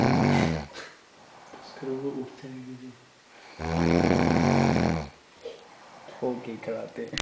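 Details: Adult snoring while asleep: two loud, rough snores about 3.5 seconds apart, with softer whistling breaths between them.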